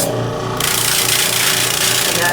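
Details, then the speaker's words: Home aerosol compressor set around 50 psi for cool humidity to tracheostomy; loud steady rasping motor hum starting and running; aerosol compressor running. "typically we will run thus right around 50 psi that's the best place to set it to get an adequate amount of of aerosol coming through your water bottle for your patient so I'm going to turn it on"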